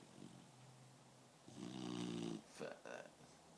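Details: Dog snoring: a single buzzing, snorting breath followed by two shorter snuffles over low room noise; snoring.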